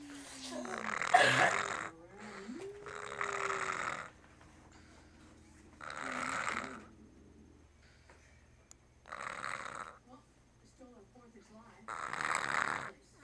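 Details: Person snoring: about five loud, rough snores with each breath in over thirteen seconds, separated by quiet pauses, with a low steady room hum.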